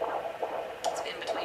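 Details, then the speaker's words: Doppler of a term fetus: rapid, regular whooshing heartbeat running in the 140s (140–146 beats a minute), a normal fetal heart rate; the rate later accelerates to 162 with fetal movement. "and this baby's heart rate is running in the 140s"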